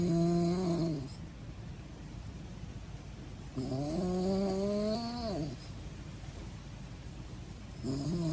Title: My funny snoring🤪 #snoring